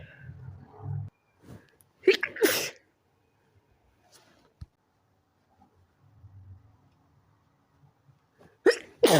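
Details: Short, muffled sneezes with a brief intake of breath before each, held back rather than fully released; stifled sneezes growing stronger before being let out loud.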